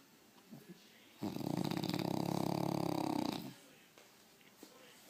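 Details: A French Bulldog sleeping with its eyes open gives one long, loud, rattling snore of about two seconds, between quiet stretches with faint room noise.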